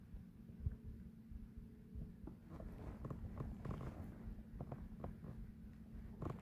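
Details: Bowel sounds (borborygmi).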